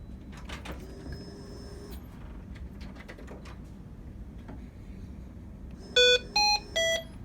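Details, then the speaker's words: Hamilton Medical ventilator demonstration, simulated: three short electronic tones over quiet room noise, a low-priority alarm for low tidal volume. "there it is you can see the yellow bar at the top the yellow bar indicating tidal volume low and our tidal volume that's located here in yellow"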